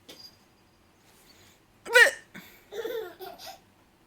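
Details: A grandmother's single abrupt hiccup followed by her baby granddaughter's bright laughter at the noise; hiccups.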